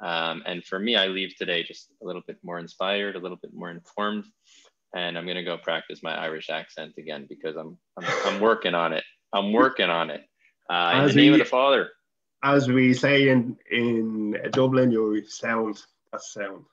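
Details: Adult male speaker; Normal speech.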